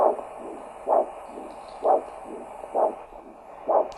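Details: Ankle-brachial index measurement with a handheld Doppler at the foot (tibial artery): regular whooshing pulses of about 65 a minute, each a strong beat then a softer second sound, a normal biphasic arterial signal; arm systolic pressure was 100 mmHg.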